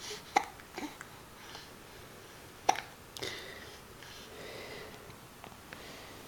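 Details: Sharp, abrupt throaty catches at irregular intervals among soft speech sounds in a small room, from someone talking while having hiccups; hiccups.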